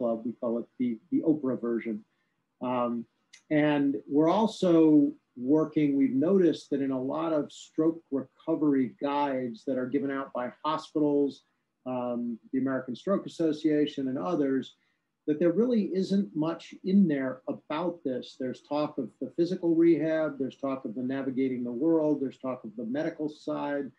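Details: Adult speaker; normal fluent speech.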